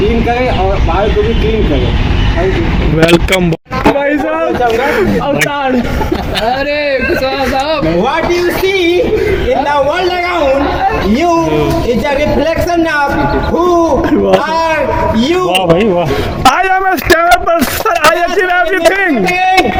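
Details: Adult man, Hindi speaker, who has stammered since childhood, speaking at a stammering self-help group; stuttering.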